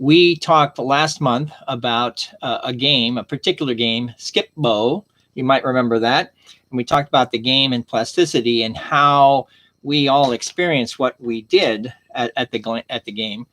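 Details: Stroke survivor with aphasia, attending speech therapy and an aphasia conversation group; aphasia.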